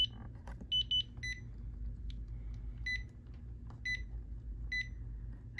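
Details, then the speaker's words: Zoll defibrillator in a training demonstration of transcutaneous pacing, mA raised until capture: short, regular electronic pacing beeps over a steady low room hum. "all right so once you see the capture we are now pacing our patient"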